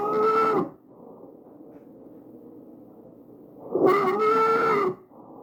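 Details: Tracheal stridor in a real patient, recorded with the AccurSound electronic stethoscope and shown visualized.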